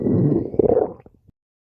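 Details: Low rumbling gurgle lasting about a second, trailing into a few soft pops, from a male's stomach while he sleeps. Stomach growling (borborygmi).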